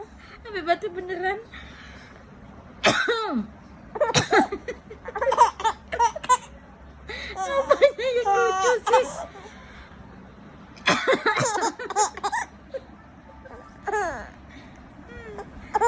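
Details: An adult accidentally coughs a few short times, and a baby answers with bursts of high-pitched laughter, with some talking in between.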